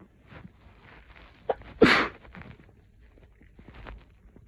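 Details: A single loud, explosive sneeze after a catching inhale, then quiet breathing, from a person with a snotty head cold, sore throat and cough who can't stop sneezing after coming home from work.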